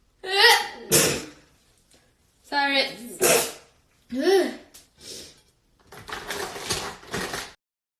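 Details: Girl sneezing, with allergies/sinuses tagged: several sneezes with sharp voiced onsets and noisy bursts separated by short pauses in a quiet room, followed by "sorry."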